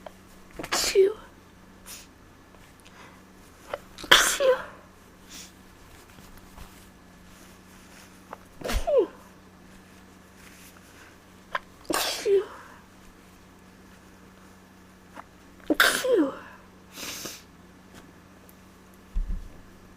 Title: Tickly Sneezes